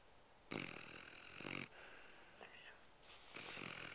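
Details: Sleeping Labrador dog snoring: rough, raspy snoring breaths with snorts and faint wheezy tones in a quiet room.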